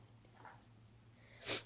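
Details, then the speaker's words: While standing and trying to take a step, a single short, sharp sneeze burst after a quiet lead-in; ordinary sneezing. "yeah just trying to get a step and I got a sneeze fired"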